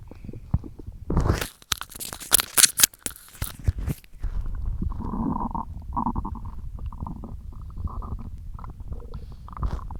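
Loud gurgling and rumbling from the belly with bursts of crackly movement: ordinary stomach growling from gas and fluid moving through the gut.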